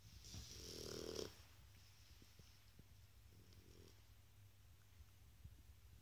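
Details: Shar Pei dog snoring while asleep.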